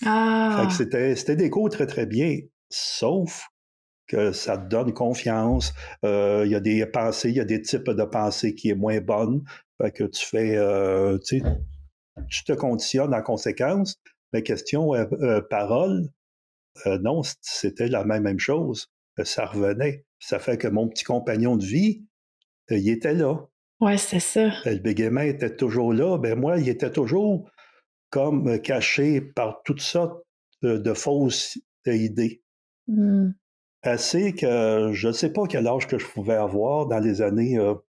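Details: 64-year-old recently retired man who stutters; changed his approach to stuttering after retirement over a year ago, with avoidance reduction therapy (TREB) and ACT discussed; stuttering.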